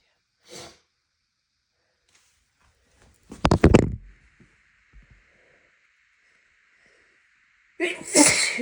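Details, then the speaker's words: Adult sneezing from allergy while grass is cut, eyes watering heavily; a short intake then a loud explosive sneeze and a second forceful sneeze; repeated allergy sneezing. "My God. My eyes are watering like crazy."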